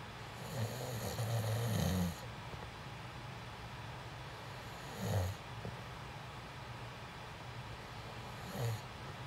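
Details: Person recording themselves sleeping for sleep ASMR, snoring: three low rumbling snores spaced a few seconds apart over a steady background hiss.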